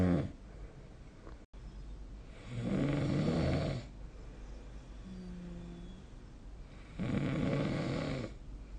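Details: Sleep snoring recorded 2025-05-21: deep rattling snores on breathing in, about every four to five seconds, with a faint whistling breath between.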